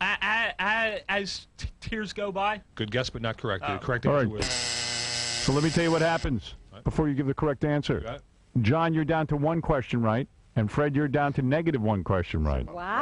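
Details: Adult male game-show host; fluent speech.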